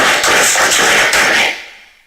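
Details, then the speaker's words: Simulation of how a person with a cochlear implant is thought to hear a simple Spanish sentence spoken by a normal female voice; harsh, hissy, buzzing speech-like sound without clear voice pitch. "y así es como los científicos creen que una persona oye esta misma frase con un implante coclear"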